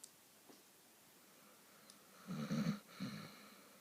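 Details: Person or animal snoring: two low rumbling snores in a quiet room, one longer and one shorter; snoring during sleep.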